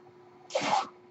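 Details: Speaker's own home mechanical ventilator, audible while he talks: a brief airy whoosh of delivered air rising and fading over a steady low electrical hum; one ventilator breath cycle.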